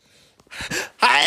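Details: A quiet catch of breath builds into a single sharp, explosive burst of air; sneeze.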